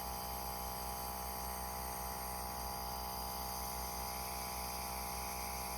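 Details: Continuous steady motor hum and whine of a portable nebulizer compressor for kids and adults, just switched on with the on/off button and producing visible vapor; the speed controller adjusts the vapor output.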